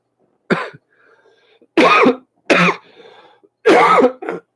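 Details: Four harsh, loud coughs with a short trailing hack, spaced over a few seconds, from an adult with a severe ongoing cough that has upset digestion; repeated wet-sounding cough.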